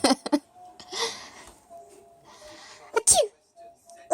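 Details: Baby sneezing, amid laughing: several abrupt, explosive bursts of air with a sharp noisy release, separated by quieter breathy noise.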